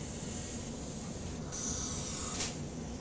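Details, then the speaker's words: Atomizer spraying a mist of 4% lidocaine (10 cc, 400 mg) onto the uvula for topicalization before awake intubation in a simulated upper airway obstruction, performed on a paramedic; soft hiss rising to a brief stronger burst. "just gonna spray the uvula now because i grabbed the uvula a couple of times and just okay just a mist coming out of there"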